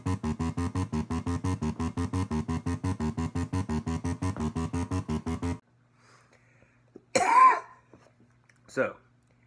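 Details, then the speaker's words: VibraLung acoustic airway clearance device on low setting: rapid, rhythmic, game-like electronic tones about five times a second, then two brief coughs. "can see the viber lung sounds like you playing a goddamn game of Dig Dug the entire time but just what that's kind of that sound is kind of annoying but kind of funny you can kind of get used to it"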